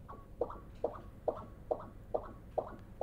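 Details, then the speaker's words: Fetal heart ultrasound, pulsed-wave Doppler of tricuspid inflow: regular paired whooshes at about 140 a minute, with the A wave dominant over the early E wave and both clearly separate; normal fetal tricuspid inflow pattern. "and there again we see on the tricuspid inflow signal we see a similar finding with dominance of the a wave compared to the early ewave which is normal in the fetal circulation"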